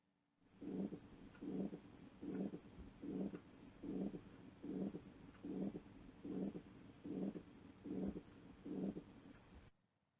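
Regular heartbeat near 75 a minute with a swelling-then-fading systolic murmur, an ejection systolic murmur.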